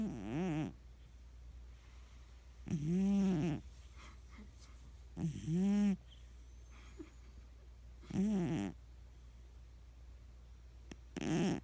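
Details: Sleeping cat snoring: five rhythmic, buzzing snores about every two and a half seconds, with soft hum between them.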